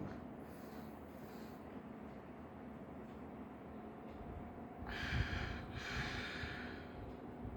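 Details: Quiet room, slow paced-breathing exercise to reduce stammering and anxiety: a deliberate breath in and a matching breath out of similar length; paced breathing, equal inhale and exhale.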